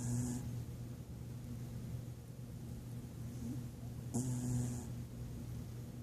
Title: Wire fox snoring